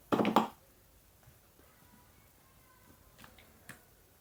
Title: Cold & sneezing 😢